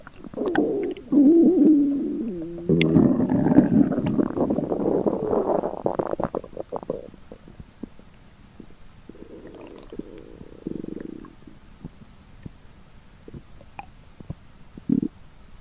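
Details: Loud gurgling, rumbling stomach growls from a pet skunk, with ordinary digestive bowel sounds; stomach growling.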